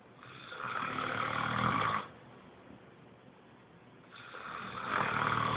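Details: Snoring: two long, loud, rough snores on breathing in, separated by a quiet pause.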